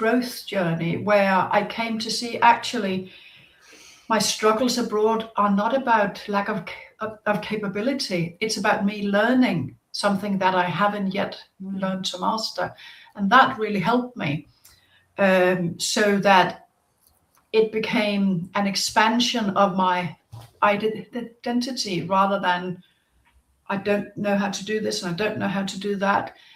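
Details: Stuttering since childhood in an adult woman, a psychotherapist, audible in her speech.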